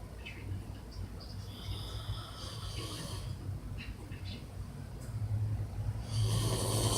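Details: Adult father snoring while asleep: low, rumbling, vibrating breaths growing louder toward the end over faint room noise, keeping a sleepy kitty awake; ordinary snoring.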